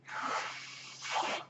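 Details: The speaker's own home mechanical ventilator is audible behind his speech as he introduces a recorded podcast; mechanical ventilator breath cycle.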